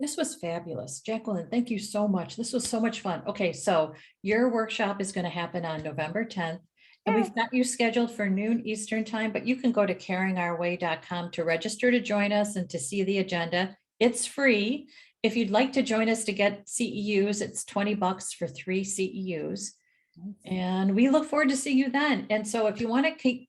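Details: Adult woman speaking; normal speech.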